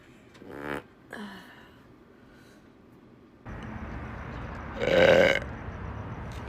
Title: Burping and Farting compilation